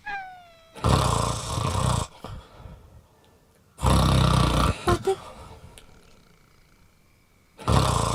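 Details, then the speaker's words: Exaggerated snoring acted for comedy, a husband and wife snoring in turn: loud, rough, rumbling snore-like bursts repeating about three times with quiet gaps between. "சித்தப்பா குரட்டை விடுறாங்க அப்புறம் இன்னொன்னு சித்தியும் குரட்டை விடுறாங்க"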